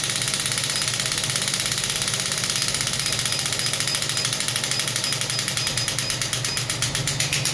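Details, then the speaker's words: Pneumatic shockwave therapy device on a table, energy raised toward its 12 bar maximum so the machine vibrates: a loud, rapid, regular mechanical rattle of repeated pulses at high pressure. "Machine table पे है इसलिए थोड़ा vibrate करेगी ज़्यादा intensity में।"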